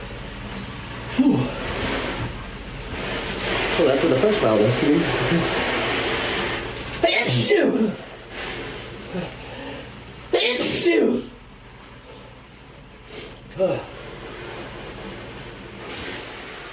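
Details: Several forceful sneezes brought on in the shower with a new vial of Chhinkni, over running water and room echo, with brief gasping between bursts; sneezing.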